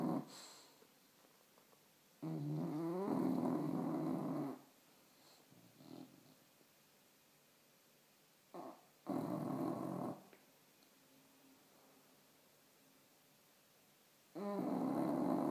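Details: Sleeping pet dog snoring: rough, fluttering snores about two seconds long, with quiet gaps between breaths.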